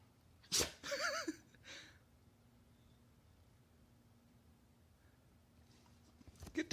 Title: Lula sneezes like a human